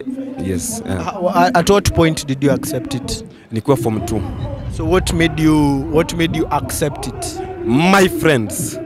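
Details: Adult male voices in an interview exchange; ordinary conversational speech.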